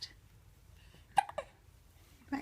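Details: Happy with hiccups: two brief, abrupt voiced hiccup sounds about a quarter second apart in a quiet room.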